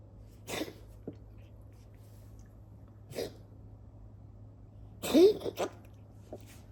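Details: 9-year-old cat coughing 2-5 times a week, more often over the past one to two months; vet's preliminary diagnosis feline asthma. Several short, harsh, breathy coughs a few seconds apart.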